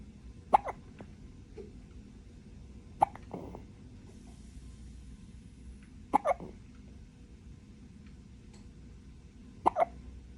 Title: Baby hiccups are the cutest